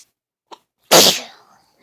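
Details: Person just out of bed in the morning: a short in-breath, then one sharp, explosive sneeze that fades quickly; sneezing.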